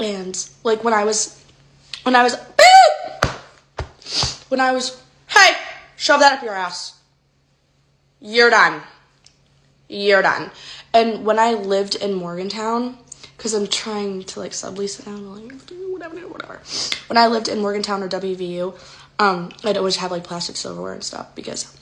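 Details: Woman with Tourette syndrome; vocal tics with coprolalia, involuntary swearing and insults interrupting her speech.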